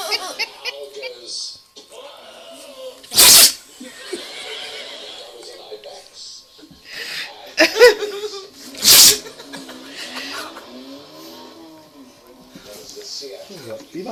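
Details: Dog sneezing fit: three sharp, explosive sneezes in quick succession, with people talking and laughing in the background; the dog stopped sneezing about five minutes later and was fine.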